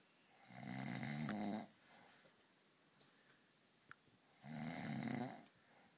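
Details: Man snoring after a few too many beers: two loud, long, rattling inspiratory snores about four seconds apart, with quiet breathing out between; heavy snoring.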